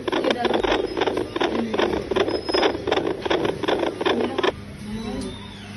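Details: Twin pregnancy fetal heart sounds on Doppler: rapid rhythmic whooshing pulses at about 158 per minute, typical of a normal fetal heartbeat.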